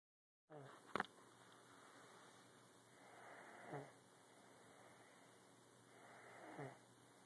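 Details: Someone snoring like Grandpa: soft, slow breathing with three faint snores about 3 seconds apart, near 20 a minute, over steady room hiss: gentle snoring.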